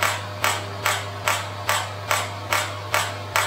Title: Shockwave Machine for horses-SW13H-Introduction Video